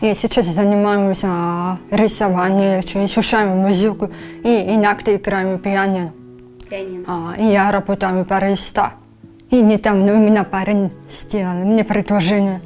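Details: 23-year-old woman diagnosed with grade 3 hearing loss at 1.5 months, cochlear implant at age 7, speech learned with speech therapists after activation; speech of a prelingually deaf cochlear implant user.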